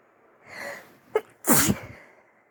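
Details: Near the end of a flu, almost recovered but still sniffly: a sniffle and a sharp intake of breath, then one forceful, wet-sounding sneeze.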